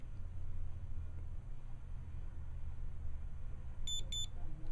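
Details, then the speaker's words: Low room rumble, then two short high beeps as an Omnipod insulin pump pod, filled with 150 units past its 85-unit minimum, activates and wakes. "Okay, so that beep told me the pod is activated and it's awake."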